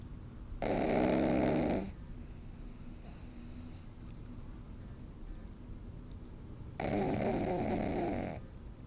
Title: Snoring sleeping pug puppy